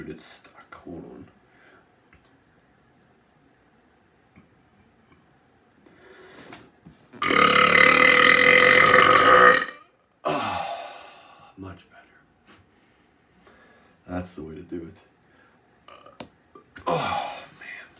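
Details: Ordinary burping from a long recording: one long, loud belch lasting over two seconds, with a few shorter belches and some voice sounds around it.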